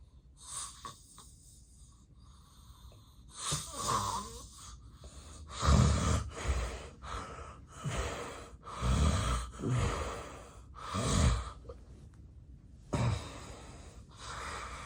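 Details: Real, unacted daytime nap of a person with excessive sleepiness: loud, rough, irregularly spaced snores with heavy breathing and quieter gaps, breathing pauses of obstructive sleep apnea.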